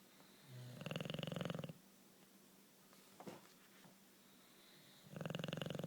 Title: Snoring Bulldog